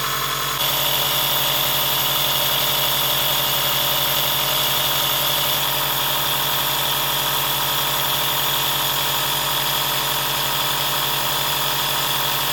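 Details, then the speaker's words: Steady buzzing hum of a small compressor nebulizer running during a 20–30 minute inhaled treatment for a teddy guinea pig recovering from pneumonia with nasal discharge; compressor nebulizer running. "So then just connect that to the nebizer. Switch that on. Hold that there."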